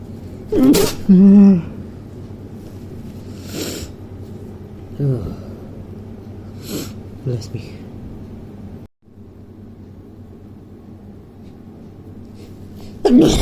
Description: Few sneezes with some failed attempts at stifling